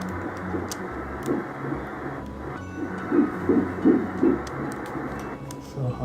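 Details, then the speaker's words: Surrogate's embryo at 7 weeks 4 days (CRL 13.0 mm) on ultrasound, heart rate measured at 167: rapid, regular whooshing pulses, about 160 a minute, over light background noise; embryonic heartbeat at a normal rate. "So, this is basically the embryo here. I'm going to listen to the heart a bit."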